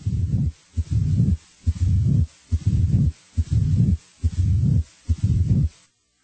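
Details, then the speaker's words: Late diastolic (presystolic) murmur as heard with mitral stenosis: regular heartbeat near 70 a minute with a low rumble starting late in diastole and continuing up to S1. "A late diastolic murmur as heard with mital stenosis starts late in diastilly and typically continues up to S1."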